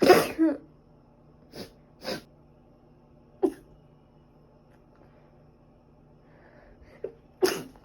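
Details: Sneezing recorded over two days, probably from dust allergy, also during a recent cold with ongoing cough and runny nose: several sharp sneezes at irregular intervals in a quiet room, with softer ones between them.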